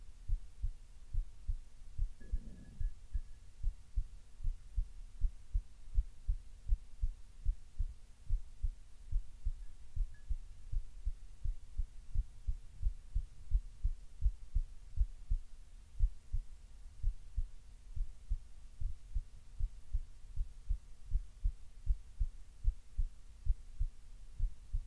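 Steady low heart thumps at about 94 beats a minute, a slightly fast resting heartbeat.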